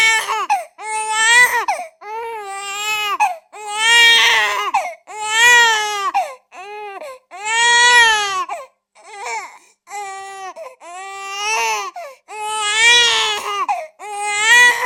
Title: Baby crying sound effect